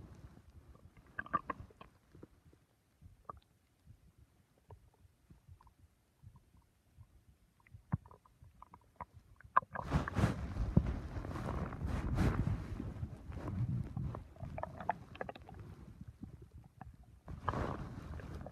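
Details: Quiet stretch, then loud low gurgling and rumbling from the abdomen: ordinary stomach rumbling from gas and fluid moving through the gut.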